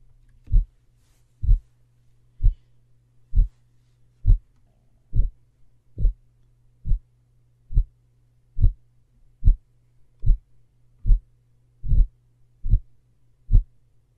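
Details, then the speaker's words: Regular heartbeat about 69 per minute with a systolic murmur heard on S1 from mitral regurgitation, occurring while the mitral valve is closed during systole. "the first one is Marshall Rieger rigours you're gonna hear when the mitral valve is closed when the mitral valve closed it's closed during systole therefore the patient will have a systolic murmur that you'll hear on s1"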